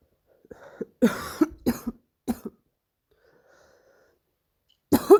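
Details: A few harsh, barking, seal-like coughs in a quiet room; the person coughing says the cough hurts.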